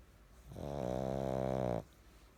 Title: My pug snoring part 2